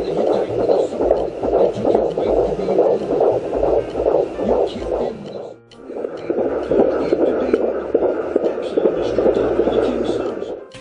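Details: Rapid, regular galloping whooshes of a fetal heartbeat on a handheld fetal Doppler, about 145 beats a minute, during a pregnancy planned for unassisted birth: fetal heartbeat on Doppler.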